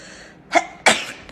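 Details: Person sneezing to music: two quick sneezes, a short one followed by a louder burst, with faint background music.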